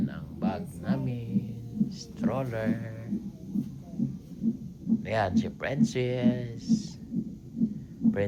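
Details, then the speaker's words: Fetal monitor in a hospital before the mother's planned surgical (cesarean) delivery: rapid, regular whooshing beats at about 130 per minute, with adult voices and music; strong fetal heartbeat on monitor. "sabi ni bas ng heart bit ni bb ch ch ch ch ch ch"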